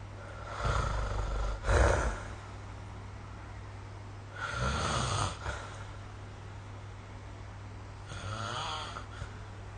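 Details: Three rough, fluttering snores spaced several seconds apart over a steady low room hum, recorded with a snore-recording phone app; ordinary snoring.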